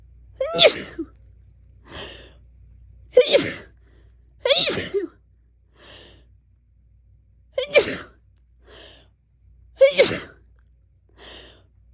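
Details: Woman sneezing all day, attributed to fall allergy season: rapid run of about five sharp, partly stifled sneezes, each followed by a softer breath; sneezing fit.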